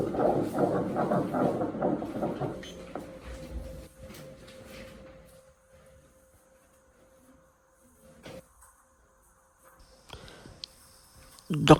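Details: Fetal heartbeat recorded at a pregnancy checkup by scan ("video X-ray"): a rapid whooshing Doppler heartbeat at about 155–160 a minute.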